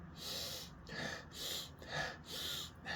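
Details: Person with deviated nasal septum imitating breathing through a badly blocked nostril: noisy, hissing nasal breaths at about 40 a minute, air forced through one side of the nose.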